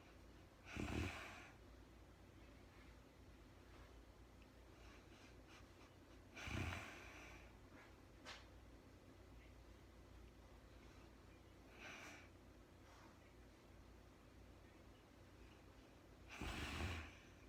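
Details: Real-time recording of a woman snoring during sleep, no talking: four soft, irregular snoring or snorting breaths over quiet room hiss, roughly every five to six seconds.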